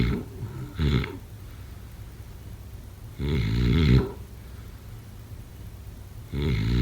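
Loud, rough, rattling snores on each breath in, about three in seven seconds, with quiet pauses between: snoring during sleep.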